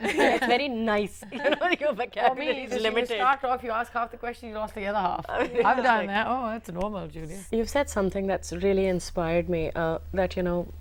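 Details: Adult woman speaking; fluent speech.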